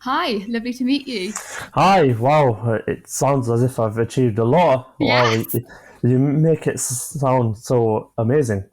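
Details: A 25-year-old male with stammering (stuttering) since early childhood, beginning after an asthma attack; he experiences blocks and manages them with breathing techniques and pauses.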